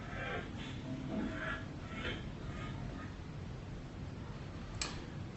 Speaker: So for me that dog has got noise on inspiration and it's a fairly high pitch wheezing sort of noise. So that's really helpful because that helps us localize it to the larynx or the upper airways.